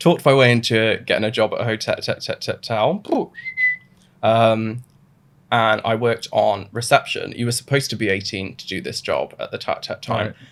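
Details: Adult man with Tourette syndrome diagnosed suddenly in his mid-twenties; a burst of involuntary swearing tics interrupts him mid-sentence: vocal tics with coprolalia in Tourette syndrome.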